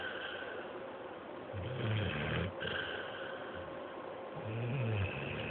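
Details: Dog snoring after a day at day care: low, fluttering snores over a few slow breaths against steady background noise.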